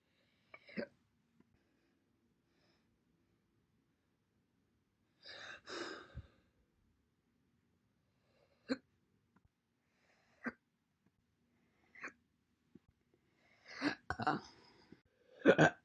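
A series of short, separate hiccup sounds with silence between them. Some sound soft and others sharper and louder. These are recurrent hiccups.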